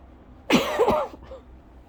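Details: Lingering scratchy-throat cough over a month after illness, in a person with asthma, milder episode not triggering asthma cough: a single harsh, somewhat throaty cough burst; bouts up to 30+ minutes, about 8 times daily.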